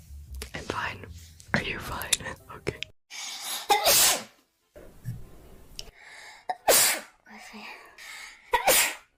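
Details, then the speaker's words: Girl with possible allergies or sinus trouble: several sharp sneezes, each led by a quick indrawn breath, with soft talk and breathing between; sneezing. "oh my gosh 12 seconds later what are you doing no does that mean I'm done I can't control my bodily functions"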